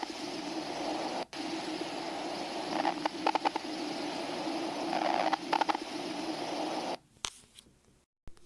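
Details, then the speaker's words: Wheezes, described as turbulent airflow through narrowed airways: noisy breath sounds with brief musical whistling tones across two breaths, heard with a stethoscope. "Para las sibilancias, estas se producen a consecuencia del paso de un flujo turbulento de aire por unas vías de respiración estrechas."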